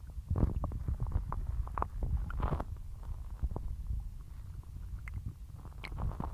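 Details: Person's belly after a Sunday dinner: low gurgling and rumbling with short bubbling pops; active bowel sounds (borborygmi).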